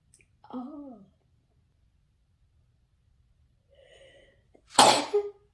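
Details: Sneeze reflex from nasal irritation during a COVID-19 nasal swab test: a short gasp, a pause, then one sharp, explosive sneeze.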